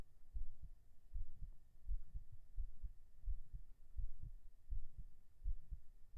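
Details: Binaural recording of a normal heartbeat right after 37 push-ups, day 18 of a strength-training series: steady paired low thumps at about 80 beats a minute.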